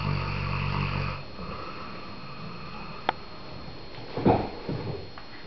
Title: WHO IS SNORING - KDO SMRCI ????